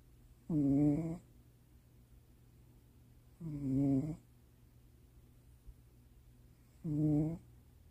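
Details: Three loud, buzzing, rumbling snores about three seconds apart from a male cat asleep in the owner's lap late at night, in a quiet room; cat snoring.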